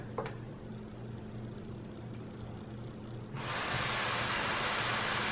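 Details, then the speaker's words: DreamStation Auto CPAP (DSX500H11) prescribed for sleep apnea, worn after nasal surgery with the nose too sore for full insertion: quiet room hum, then a sudden strong, steady, continuous rush of air through the mask. "I don't know if you can hear it but it's pretty strong"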